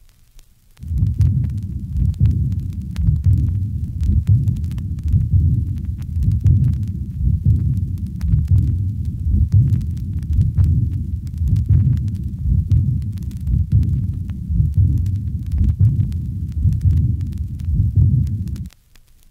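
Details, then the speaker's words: Severe aortic regurgitation: high-pitched, decrescendo, blowing early diastolic murmur accompanied by a short ejection mid-systolic murmur. "this recording was made from a patient with severe aortic regurgitation note the short ejection mid systolic murmur and the high-pitched decrescendo blowing diastolic murmur of aortic regurgitation"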